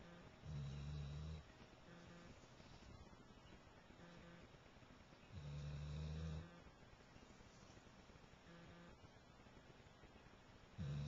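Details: Female chocolate Labrador dog asleep: loud, low, rattling snores about every five seconds with quieter snorts between; snoring.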